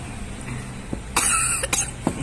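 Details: Adult coughing while eating hot fried mendoan with sambal at a food stall: a harsh cough burst followed by a couple of smaller coughs, steady background hum.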